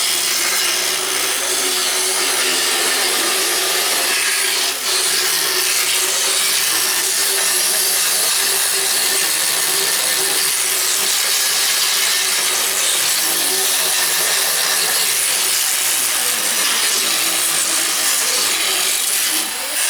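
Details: Steady high-pitched grinding motor with rasping contact: a motorized power float smooths the molars of a horse during a veterinary equine dental exam.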